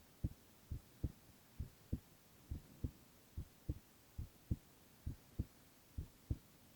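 Steady paired lub-dub heartbeats, about 67 a minute, over faint background hiss; a regular heart rhythm.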